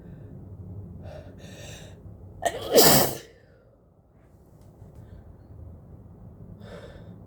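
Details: Sneezing into a face mask during a head cold: a single forceful sneeze preceded by a sharp intake of breath, amid quiet room noise; repeated sneezing.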